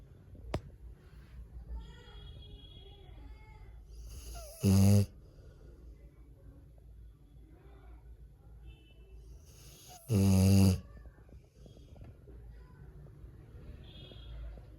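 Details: Sleeping Rottweiler snoring: two loud, buzzing snores about five seconds apart over a room hum and soft background sounds; snoring.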